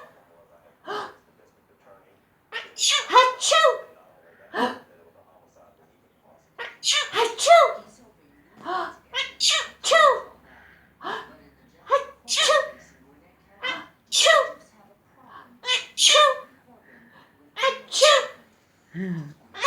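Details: Long run of about twenty quick, sharp sneezes in bursts with brief pauses between them, filmed on camera; repeated sneezing.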